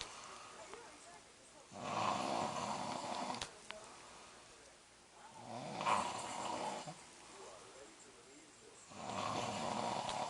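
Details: Husband snoring at night while the TV plays: loud, rough snoring on each breath, about three snores in ten seconds, with quiet gaps; snoring.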